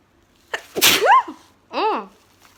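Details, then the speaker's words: A girl with a new nose piercing that feels funny, who cannot stop sneezing: a sharp indrawn breath, then an explosive sneeze ending in a voiced cry, followed by a short vocal exclamation. "was violent 100 my god I can't stop sneezing I sneezed like seven times when I was in my downstairs"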